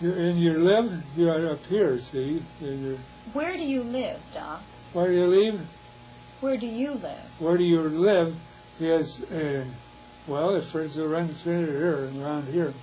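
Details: Patient with receptive (sensory) aphasia producing spontaneous, fluent but vague, off-topic, disordered 'letter soup' speech, with impaired comprehension; Wernicke's aphasia.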